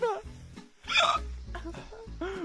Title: gets hiccups